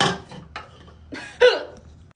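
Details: Short abrupt catches of breath with small voiced yelps, a few within two seconds, during a nighttime skincare routine; hiccups.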